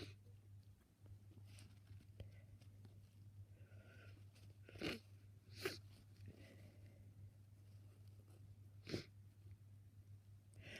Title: Blocked nose, sniffs and sneezes